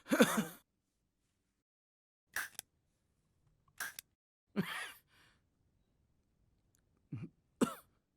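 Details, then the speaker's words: Several harsh adult coughs from an elderly grandfather character whose asthma has worsened, acted scene in a Bengali short film, quiet pauses between coughs; simulated cough. "আর কি গো দাদু, এত কাশছো কেন? ওই ওই অ্যাস্থমার টানটা খুব বেড়েছে, বুঝলি?"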